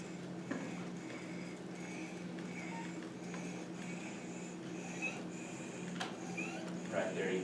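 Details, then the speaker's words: Inspiratory stridor: noisy breathing with a lot of air going in and a recurring very high-pitched, whistle-like sound on inspiration. "you can hear a lot of air going in but then also you'll hear a very high pitch sound kind of like almost like a whistle and that is the stride let's just do it again"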